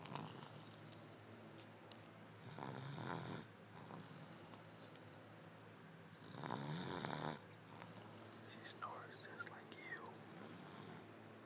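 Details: Snoring in sleep: two slow, rumbling snores on breathing in, with quiet breathing between, over low room noise.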